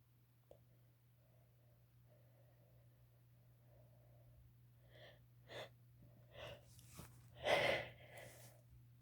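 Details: Sneezing induced with chhinkni snuff: quiet breathing, then a rising series of sharp inhaled gasps ending in one strong, wet sneeze near the end.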